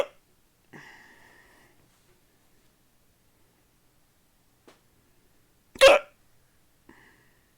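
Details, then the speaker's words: A person with ongoing hiccups gives one loud, abrupt hiccup with a sharp gulping catch in a quiet room, among a few faint breath sounds: hiccups. "okay until until i get these hiccups out of the control i don't want to talk about anything right now hang on"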